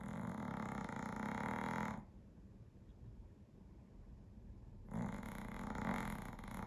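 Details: Snoring: two long, rough, rattling breaths with a quiet pause between them, a snore on inhalation.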